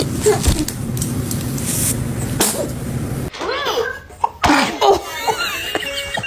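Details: Infant sneezing: a sudden explosive sneeze over background noise, followed by adult voices and laughter; an ordinary baby sneeze.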